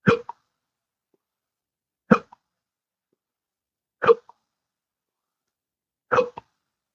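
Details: Persistent hiccups in someone in their 60s with intractable hiccups since 2015, onset after colorectal surgery, now in the ninth year, at least 12 hours daily: sharp, sudden hiccups about every two seconds, four in all, each with a small after-click.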